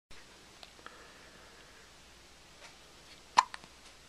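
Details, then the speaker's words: Infant boy with hiccups: one sharp, brief hiccup with a few soft clicks in a quiet room. "Poor little guy, he's got the hiccups."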